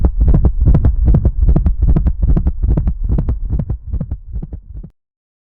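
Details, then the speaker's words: Gallop rhythm in a hypertensive dog with chronic kidney disease and cardiac hypertrophy: rapid low thumping beats grouped in threes, a galloping cadence. "vamos ouvir novamente o som de galope e ver um fluxograma organizando a fisiopatologia das alterações neste paciente."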